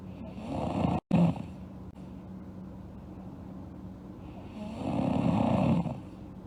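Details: Sleeping girl snoring: two loud, rough inspiratory snores about six seconds apart, with quiet breathing between; ordinary sleep snoring.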